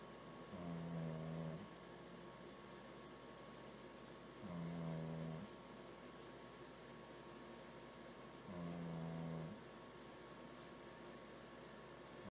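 Three evenly spaced buzzing snores, about 15 breaths a minute, each lasting about a second, over quiet room noise.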